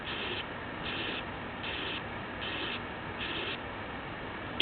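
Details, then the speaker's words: Simulated heart on a patient simulator manikin, stethoscope at the mitral area: harsh, hissing murmur repeating each beat, severe aortic stenosis radiating to the mitral area. "though this murmur is of aortic origin severe aortic stenosis will migrate to the mitral area"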